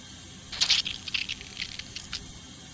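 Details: Tooth extraction at a dental clinic: light metallic clinks and taps of dental instruments against one another in a quiet room.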